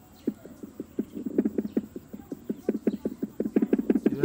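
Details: Bistos 350 fetal Doppler monitor demonstrated with gel, volume raised: rapid, fairly regular swishing thumps, the pulsing sound of a picked-up heartbeat.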